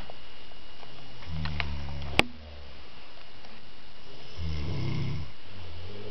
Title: snoring girls